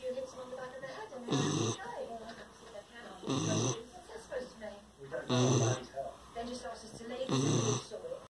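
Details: Snoring Schnauzer dog: loud rhythmic snores, about 30 a minute, each a rough low rattle on inhalation, with quieter breathing between; ordinary snoring.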